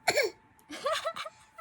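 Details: One-year-old boy asked to pretend to cough gives one short, voiced voluntary cough followed by brief vocal sounds.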